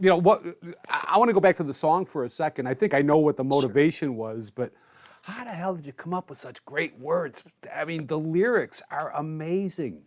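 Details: Adult man speaking; typical speech.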